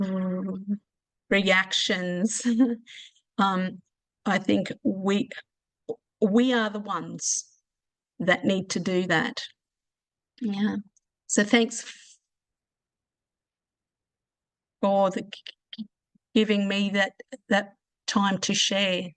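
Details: Adult who stutters (real, not acted), speaking at a support meeting on covert stuttering; stuttering.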